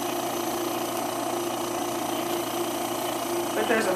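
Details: A 50 psi air compressor runs a large-volume humidifier nebulizer, used at night to moisten air for tracheostomy patients. It makes a loud, steady mechanical roar with a rattling hum, and white mist comes from the outlet.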